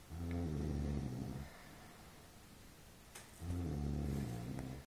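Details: Snoring: two long, low, rattling breaths with a pause between, a coarse vibrating snore on each breath.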